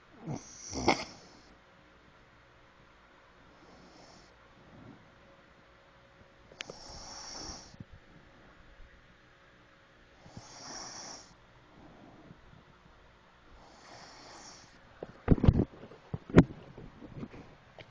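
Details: Soft, irregular sleep snoring with faint snorts a few seconds apart, ending in louder snuffling noises; ordinary snoring.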